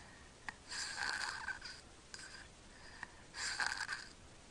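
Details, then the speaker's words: Sleeping infant in a home video from February 2009 makes two hissing, strained breaths that move no air into the lungs, then a fainter third and a harsh snorting gasp for air: obstructed breathing during sleep. "oh there he goes saw that no he's gasping for air the breath he took beforehand he was actually not getting anything into his lungs"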